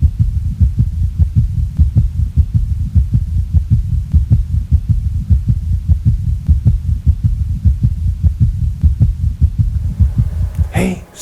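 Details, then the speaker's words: Steady low heart sounds with an added soft third sound after S2, giving a galloping rhythm: S3 gallop, rapid ventricular filling as the mitral valve opens and blood splashes into the ventricle. "the s3 gallop is the additional sound of rapid ventricular filling at the mitral valve opens the blood rushes in into the ventral and it hits with a splash"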